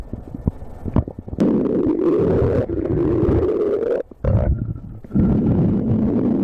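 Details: Loud, long gurgling and rumbling from the abdomen: stomach growling (borborygmi).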